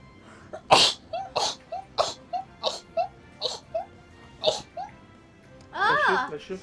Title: girls sneezing reapidly #1.|| rapid sneeze